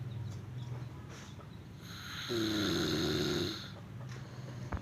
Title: Ngorok #shorts